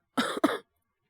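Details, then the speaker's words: Adult several days into influenza A, fever peaked at 39.6°C, now around 37°C, with an intermittent cough that comes in sudden choking fits: two quick, harsh, dry-sounding coughs in a row, then silence. "なんかこう、咳をするとね、本当に喉が痛くて咳をしてるわけではなくてみたいな、本当にちょっと嫌な咳なんですけど、常にね、出てるわけじゃなくて、たまに急に苦しくなってむせ返るみたいな、そんな咳が出ております。"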